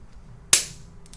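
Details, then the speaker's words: Single sharp, light click from a spring-loaded chiropractic adjusting instrument on its lightest setting, applied to a jaw joint stuck on one side, patient's jaw slightly open. "do it by hand but we're going to use this today it's going to feel light just a little click like that okay it's on the lightest setting"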